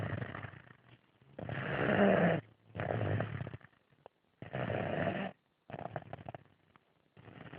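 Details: Four-year-old child asleep: loud, rough snoring on irregular breaths, about 20 a minute, with silent gaps between breaths; snoring.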